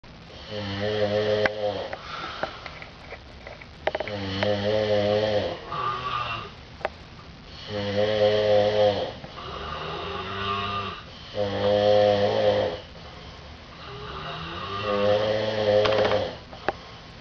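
Loud, rough, buzzing breathing sounds recur about 16 times a minute, with softer breaths between them: snoring during sleep, likely from two sleepers.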